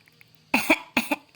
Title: 6 months old, acting as if he is really coughing.